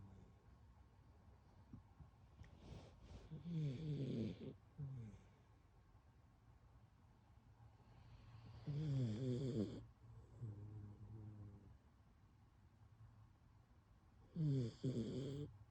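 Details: Zelda, a sleeping puppy, snoring softly with rumbling snores about every five to six seconds, some with a whistling edge, over faint room hum; snoring.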